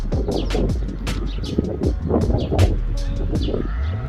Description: Camel's teeth grinding, when he is chewing food.